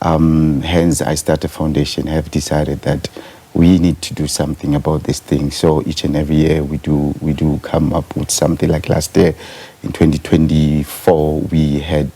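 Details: Stuttering in an adult man who states he is a stutterer himself, speaking in a live TV interview.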